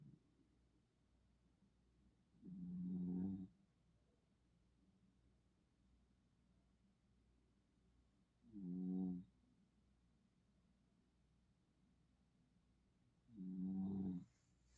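Three soft, buzzing snores at about 10 breaths a minute, separated by quiet pauses, in a sleeping puppy.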